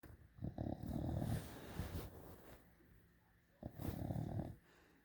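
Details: Sleeping tricolor Bulldog puppy snoring: loud, low, rattling snores on each in-breath with quiet pauses between.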